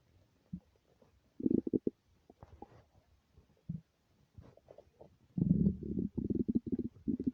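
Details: Ordinary empty-stomach rumbling recorded without a mic: irregular gurgles and low rumbling bursts from the belly, louder toward the end.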